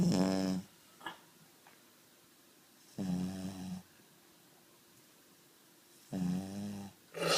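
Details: Dog snoring steadily in sleep: deep, buzzing snores about every three seconds with silent pauses between.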